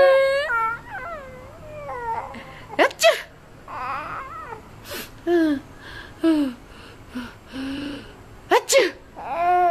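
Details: An adult with flu makes short, sharp pretend sneezes after an accidental loud sneeze while rocking an infant to sleep; the infant laughs, squealing and cooing between them.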